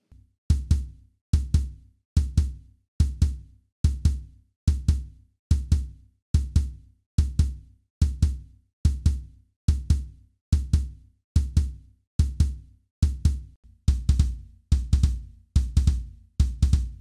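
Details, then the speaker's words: Simulated third heart sound (S3 gallop) played on drums: three low thumps per beat in a 'Kentucky' cadence, S1 and S2 followed by S3, about 70 per minute. "instead of just hearing love du love du love du we hear Kentucky Kentucky Kentucky where the Ken and the T are the love and the dub that's heart sound one and two with the e sound being that third heart sound"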